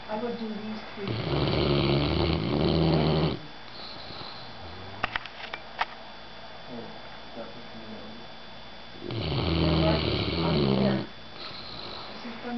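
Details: Bear napping with the cat during a math lesson: two long, loud, rumbling snores with quiet pauses between them, a few faint clicks in the gap; heavy snoring.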